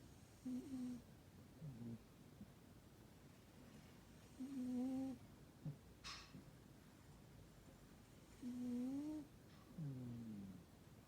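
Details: Burmese cat snoring while asleep: soft, whistly, humming snores with a short rattle on each in-breath, about 15 breaths a minute.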